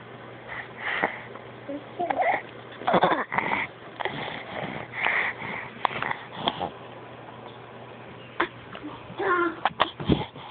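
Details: A young child gives a series of short coughs, with wheezy, high-pitched breaths drawn in between them; a recurrent cough.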